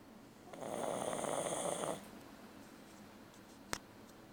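A single buzzing, rattling snore lasting about a second and a half, then quiet breathing and a brief click.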